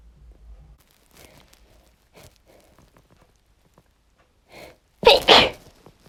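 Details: Natural sneeze from a female: quiet breathing and small sounds, then one sharp, loud sneeze near the end.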